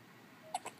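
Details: A newborn girl has two brief, sharp, high-pitched hiccups close together over quiet room hiss.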